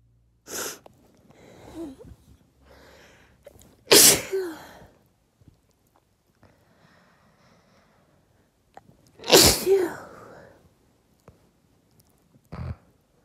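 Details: Three loud, explosive uncovered sneezes spaced several seconds apart, with quieter breaths and sniffs between, set off by dust from moving furniture; repeated sneezing.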